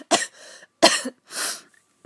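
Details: A few short, sharp coughs from an adult who feels run down and unwell, with a hoarse voice and a possible wheeze; each cough is an abrupt burst of air with a breathy tail.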